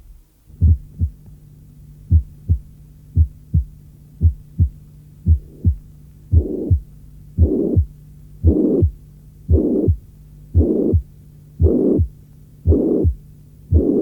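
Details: Severe mitral regurgitation without mitral stenosis: a third heart sound followed by a brief, distinct mid-diastolic rumble that begins with the S3.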